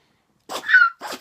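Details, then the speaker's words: Repeated short, sharp nasal sneezes in quick succession from a female dog, one with a brief squeaky whistle, while the owner asks what is wrong; persistent sneezing. "you're still sneezing you know what baby what is wrong there"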